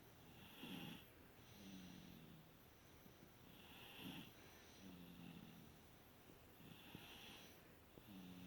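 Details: Tired young children snoring while sleeping after a long day: soft rhythmic snores at about 18 breaths a minute, low rattling inhalations and quieter whistly exhalations.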